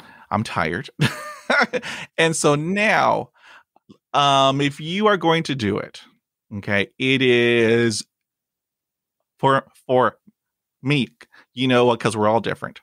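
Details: Adult man who stutters, with blocks and repetitions in his own speech; stuttering.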